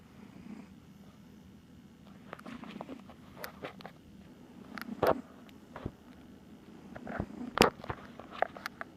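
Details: A sleeping cat gives a low, steady rumbling sound, with scattered clicks and room noises over it: snoring.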